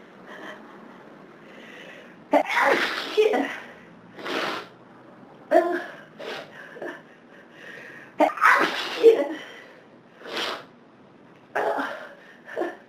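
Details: Several forceful sneezes in a row, each led by a sharp inhaled catch, with quieter sniffs between, during an uncontrollable bout on a day of severe hay fever; sneezing.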